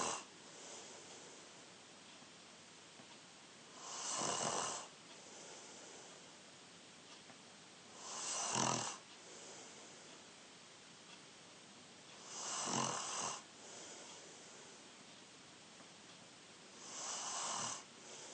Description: 14 year old Younger brother snoring 21 December 2019